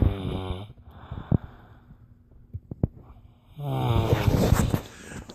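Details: Sleeping friend recorded around 4:46 a.m.; loud, rough, low rattling breaths separated by a quiet pause with small clicks; snoring.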